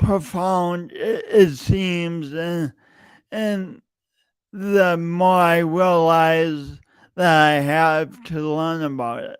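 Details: Adult male podcast host with a long-standing speech impediment he denied for years, present every time he speaks; repeated words throughout; speech disfluency (stuttering).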